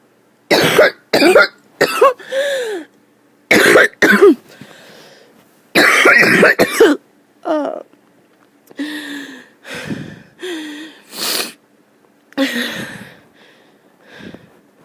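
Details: Sick adult, who says they need their inhaler, in a prolonged coughing fit: repeated harsh, forceful bursts with short throat-clearing sounds between.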